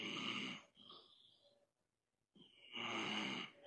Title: IL A RONFLÉ DANS LE LIVE ET A OUBLIÉ DE COUPER LE MICRO